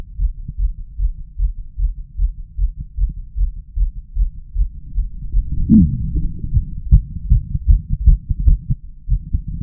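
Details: Adult male heart auscultated with a stethoscope during chest vacuum manoeuvres. Forceful low heartbeats, steady at first, then louder and uneven, with intense pauses and irregularly spaced arrhythmic beats: an irregular heart rhythm.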